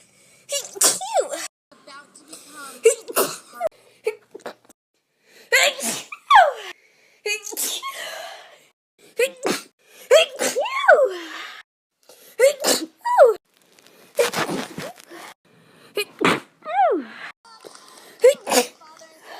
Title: GIRL FILMS HERSELF SNEEZING